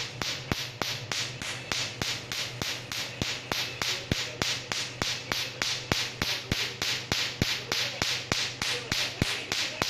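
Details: Tattoo removal laser in use at a Vietnamese tattoo studio, December 2019: sharp, regular snapping clicks at about 200 per minute over a steady low hum as the laser fires its pulses.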